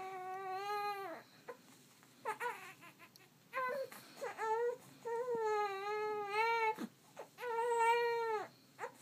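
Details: A 1-month-old infant who dislikes tummy time cries: repeated tonal wailing bursts separated by short pauses for breath, an ordinary fussy cry.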